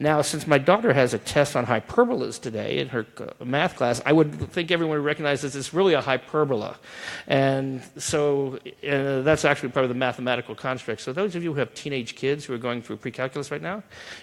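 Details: Adult man lecturing; normal speech.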